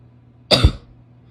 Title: wet barky coughs (f)